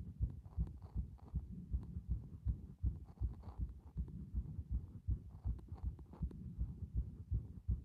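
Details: Steady, regular low thumping heart sounds at roughly 80 beats a minute, counting paired sounds, with a faint background hum.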